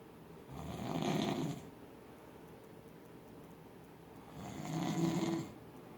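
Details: Adult man (husband) in deep sleep, snoring loudly then softly: two deep rumbling snores about four seconds apart in a quiet room; snoring.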